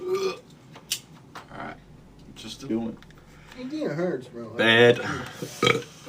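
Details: An adult man on a TikTok live lets out a series of loud, croaky burps of varying length in a small room, with faint background sounds between them; repeated belching.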